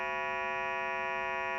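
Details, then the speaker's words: Acoustic stimulator mode of a Bistos BT-220C fetal Doppler (AST settings 75 and 100) being demonstrated: a steady, harsh buzzing tone lasting about 1.5 seconds. "Ini untuk membangunkan channel ya."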